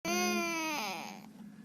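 A single short, high-pitched wailing cry from a young child that falls in pitch and trails off.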